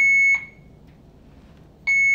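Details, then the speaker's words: Alaris infusion pump alarm beeping: two sharp high-pitched electronic beeps about 1.5 seconds apart reminding to open the roller clamp before restarting a primary 0.9% normal saline infusion, nursing demo. "And it's reminding me to open my roller clamp."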